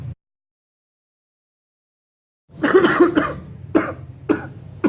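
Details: Adult: a burst of three or four short, harsh coughs after a stretch of silence.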